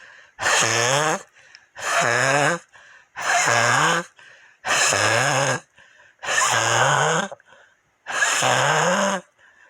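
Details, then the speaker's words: Repeated noisy, rattling breaths with a whistling, wheezy tone: mouth breathing with phlegm that could not be coughed up, in an adult with chest pain after hours of coughing, who reports gas exposure and a heart problem. "근데 그게 안 빠져나와 가지고 아 지금도 이 소리가 나요 아 숨소리에 요"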